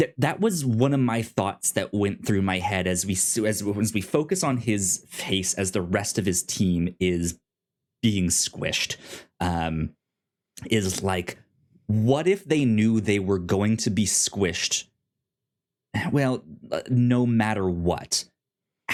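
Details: Self-reported stuttering in a male podcast host.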